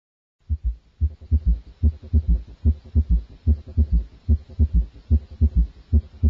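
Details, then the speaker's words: Child's heart, about 73 a minute: a soft, low third heart sound after S2, a normal S3 in children and young adults. "the third heart sound S3 is a normal finding in children and young adults S3 is best heard over the Apex when the child is recumbent or lying on his left side"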